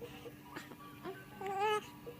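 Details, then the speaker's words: Newborn boy, 3 weeks 2 days old, in hospital with nasal tubes and hiccups: brief fussy whimper rising into a short wail: infant crying. "Oh no, are we going to hear you cry? Are we going to hear you get mad?"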